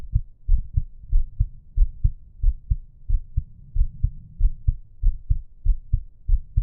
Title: Resting Heartbeat and Breathing Sounds